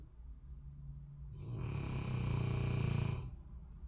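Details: A single long, rough, rumbling breath that swells in loudness and then fades, from a boy napping; snoring.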